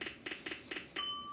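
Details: PB 980 ventilator, hands-on demo lowering time low to 0.6 seconds: rapid repeated clicks of the setting dial, then a steady two-tone beep prompting confirmation of the setting change; ventilator alert tone.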